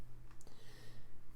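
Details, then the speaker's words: Adult trying to hold in a sneeze produces a brief, muffled nasal burst over low room hum: stifled sneeze. "Son of a gun, did you hear that sneeze? I hope you didn't, because I tried to hold it in and it blasted my nose out."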